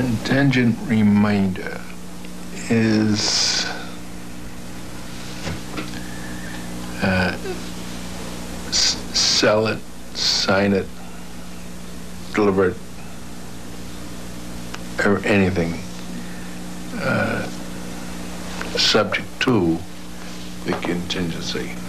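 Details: Former lawyer who had a stroke at age 45 when a blood clot cut off circulation to part of his brain, affecting comprehension and expression; slow speech, trouble getting started, long word-finding delays, spontaneous grammar described as all right; aphasia.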